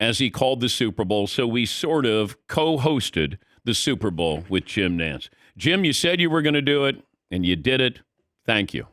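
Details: Adult male speaker; normal voice.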